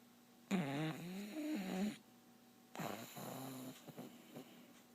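Two rough, vibrating snore sounds from a sleeping pet with a quiet pause between them, in a quiet room.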